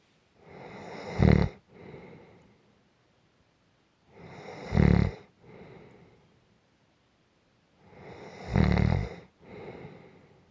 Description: This is a 4 minute clip of gentle snoring.